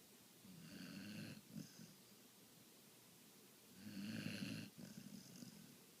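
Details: Snoring: two low, rattling snores about three seconds apart, each with a short soft exhale, in a quiet room.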